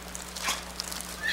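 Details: Single brief, soft, high-pitched sneeze from an infant girl lying rolled toward her father during stethoscope auscultation of the posterior lung fields, in a quiet room with faint electrical hum.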